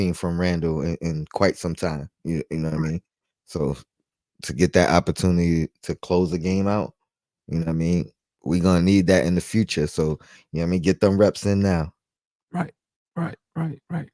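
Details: Adult man speaking; normal voice.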